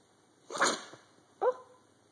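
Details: A dog-like sneeze: a sharp, explosive snorting burst, followed about a second later by a shorter burst with a brief voiced tone.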